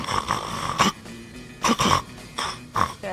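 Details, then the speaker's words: Simulated snoring by an actor in a TV comedy scene: loud, rough, snorting snores over background music, from a woman whose companion says she stops breathing and needs a CPAP. "Попробую всё же уснуть, пока лесопилка не начала работать."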